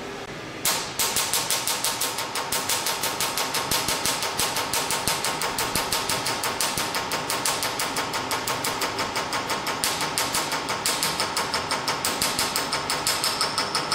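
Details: Rapid, regular sharp snapping pulses, about three per second, from a Q-switched Nd:YAG laser set to 800 mJ at frequency 6 and fired by foot pedal, during a whole-face carbon peel treatment.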